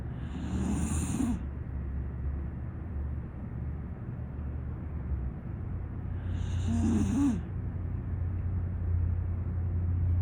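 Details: Sleeping "pocket pittie" dog snoring: two slow snoring breaths, each with a rough snort and an airy hiss, over a steady low hum.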